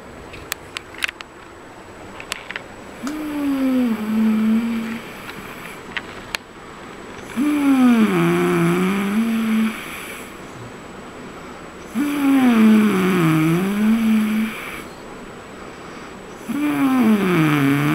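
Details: Snoring recorded on a trip to Raigad: loud, rhythmic snores with a gliding, tonal quality, about 13 a minute, with quiet pauses between them and a few clicks early on.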